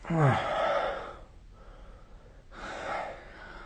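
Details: A loud rough snoring breath with a fluttering start, a pause, then a softer breath, recorded during sleep with the SnoreLab app.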